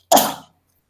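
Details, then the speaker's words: Adult female lecturer with laryngitis after a congress, on her fourth day of prednisone and barely able to speak, gives one short, voiced cough or throat clear in a quiet room before starting her talk. "Depois do congresso, eu peguei uma laringite. Hoje que eu tô conseguindo falar um pouquinho."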